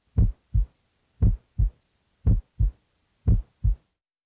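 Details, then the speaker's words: Adult male, stethoscope diaphragm at the apex: steady lub-dub heart sounds near 58 a minute, with the second sound (semilunar valve closure) softer than the first, a normal S2 at the apex. "S2 is caused by closure of the semi lunar valves it's loudest at the base where it normally sounds like this at the Apex it sounds like"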